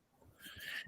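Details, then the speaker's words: Pet dog, described as a loud snorer, snoring: brief rough snorting inhaled snore with hissy rush of breath and low rattling pulses. "he's snoring i don't know if you can hear him he snores yeah i just i just heard him right there yeah he's funny"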